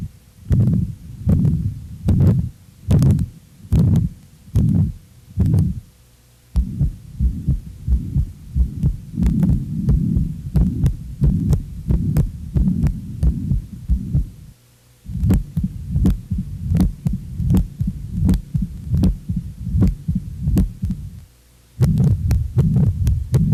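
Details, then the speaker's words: Adult heart murmurs from the main cardiac valve lesions, abnormal vibrations from altered blood flow, viscosity and turbulence. Heartbeats about 79 a minute, with several passages of continuous rushing murmur filling the gaps between beats. "pode-se encontrar ruídos anormais que são chamados sopros os outros são vibrações decorrentes de alterações o fluxo sanguíneo viscosidade e turbilhonamento que ocorrem principalmente nas lesões musculares vamos ouvir agora os sons correspondentes as principais lesões das valvas cardíacas"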